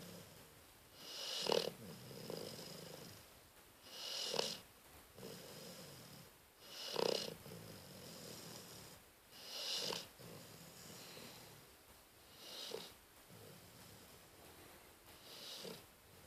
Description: 12-12-13 Cleo snores